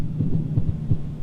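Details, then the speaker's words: Rapid, regular, low heart thumps at about 170 beats a minute heard through the stethoscope on a virtual-reality simulated patient, confirmed on monitor leads and to be treated with adenosine: supraventricular tachycardia. "real life and i'm going to listen to your heart holy guacamole you are running"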